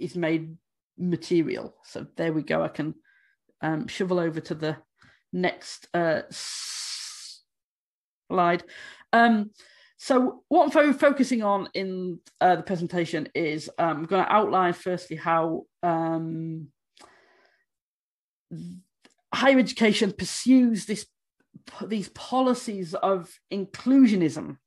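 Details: Adult woman who states she stammers, speaking during a conference presentation; stammering.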